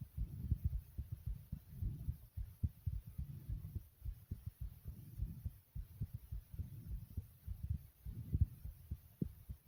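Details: Person's own heartbeat recorded at normal pace: steady, regular low thumping over a soft rumbling background; normal heart sounds.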